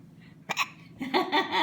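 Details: Baby with hiccups: a single sharp hiccup, then giggling and babbling.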